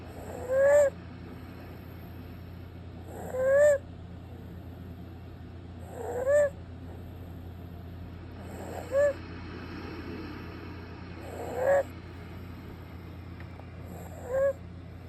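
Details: Stridor in a sleeping adult for a doctor's review, with high-pitched whistling on each breath at about 22 per minute; it is less prominent with the bed elevated.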